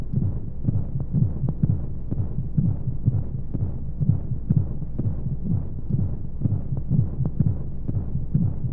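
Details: Baby sleep aid womb sound: steady muffled low heartbeat thumping, roughly 60 beats per minute, under a soft rushing white-noise hum, as heard from inside the womb.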